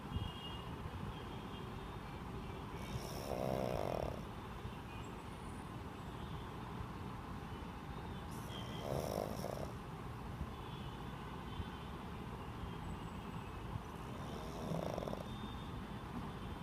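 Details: Two-and-a-half-year-old pug snoring while sleeping and dreaming: three loud snorting snores roughly every six seconds, about ten breaths a minute, over steady rumbling background noise.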